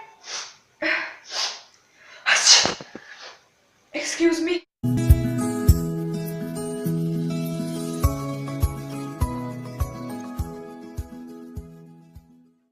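Several acted sneezes with sharp inhalations and explosive bursts, then background music with steady beats.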